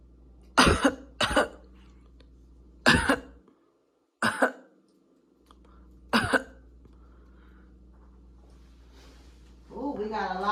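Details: Five short, forceful coughs during tracheostomy suctioning of secretions, after hyperoxygenation with three breaths, in an acted nursing training demonstration, with a steady background hum.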